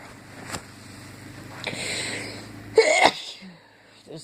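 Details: Sneeze induced with a Q-tip while talking: a quiet in-breath and hiss, then a short, sharp sneeze burst against low background noise.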